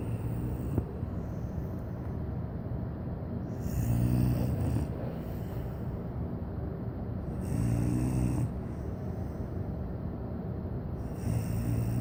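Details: Sleeping Cane Corso puppy snoring: low, rumbling snores about every four seconds, roughly 15 breaths a minute, over steady background noise.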